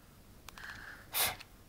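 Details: Young child singing the ABCs, with the recording titled as interrupted by accidental burping: a short in-breath followed by one sharp, explosive burst of air through the nose and mouth; a single sneeze.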